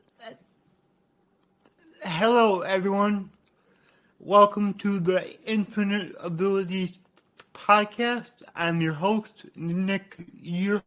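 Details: Adult man with cerebral palsy, which he attributes to brain damage after being born without heartbeat or breathing and being revived; he describes a resulting speech impediment; dysarthria.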